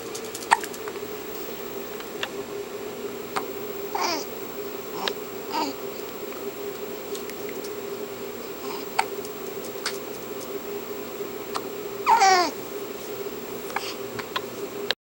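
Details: Baby with hiccups: several short, abrupt hiccup sounds a few seconds apart, with soft babbling and steady room hum.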